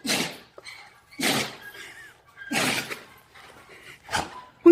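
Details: Dog sneezing (part 2): four sharp, noisy nasal bursts about a second apart, a run of repeated sneezes, with faint room noise between.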